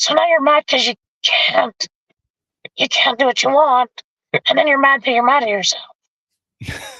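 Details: Adult male with vocal fold paralysis since a four-wheeler accident at age 25, in which his trachea was split and oesophagus torn; tracheostomy removed after 2 months; a scope still shows paralysed cords; he has spoken this way for 25+ years.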